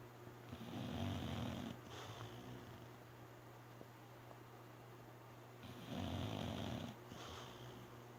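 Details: Snoring during sleep, possibly dreaming: two long rumbling snores on breathing in, with quieter breathing out between, over steady room hum.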